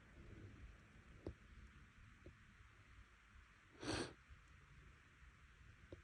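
One brief, forceful burst of air through the nose against faint room noise, fitting a single sneeze.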